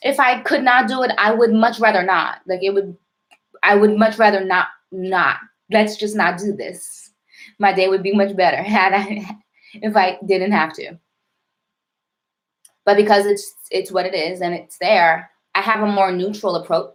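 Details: Stuttering in an adult woman, self-described as severe and overt with heavy blocking.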